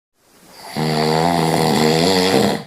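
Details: Scottish Fold cat snoring: a single long, loud, buzzing breath that builds up and holds for about two seconds.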